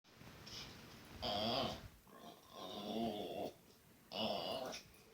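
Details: Sleeping male dog snoring: loud, rough, rattling breaths in a slow irregular rhythm, about three in five seconds.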